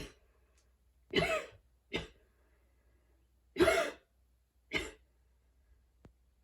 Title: run+allergies+fatigue=perfect wheezing coughing fit conditions